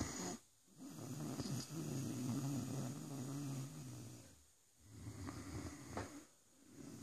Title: Rosco the Great dane snoring 😄